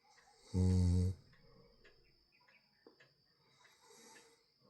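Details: Sleeping cat gives one loud, low, buzzing snore, then quieter breathing.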